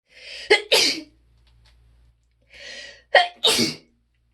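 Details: Person in a big, loud sneezing fit: two sneezes in a row, each a quick drawn-in breath followed by a forceful, hissing burst; repeated sneezing.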